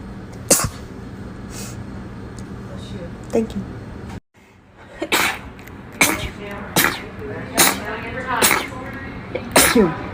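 An adult sneezes in quick succession, about eight sharp sneezes in ten seconds, with a brief pause.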